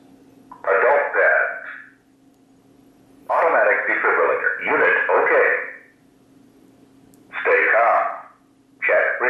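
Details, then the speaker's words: AED voice prompts during a demonstration of a new AED with pre-plugged pads, just after power-on: synthetic spoken bursts over a steady hum telling the rescuer to check responsiveness, call for help and attach defib pads to the bare chest. "responsiveness call for help attach defer pads to Patient spare chest"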